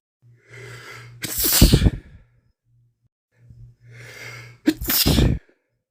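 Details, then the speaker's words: Adult male during a week-long common cold, sneezing several times in a row: two sneezes, each a rising gasping inhale then a forceful burst, with low background hum; sneezing. "Man, 3 in a row. 4. I feel like there's one more."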